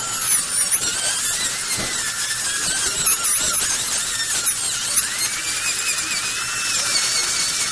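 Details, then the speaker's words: High-pitched dental drill whining steadily, pitch rising and falling as it grinds, adjusting a high spot found with bite marking on a replacement bridge in the upper left, in a small room. "so the bloomer is telling you that it's heating high so i'm gonna take off the blue mark"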